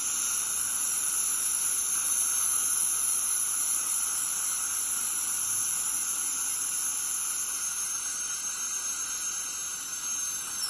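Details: Steady high-pitched hiss with a faint whine from a dental scaler running with water spray during deep dental scaling; dental scaler in use.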